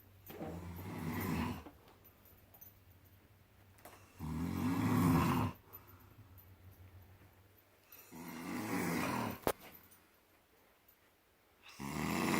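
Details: Man snoring: loud, low, rumbling snores on each in-breath, about every four seconds, with quiet pauses between; ordinary heavy snoring loud enough to be heard from another room.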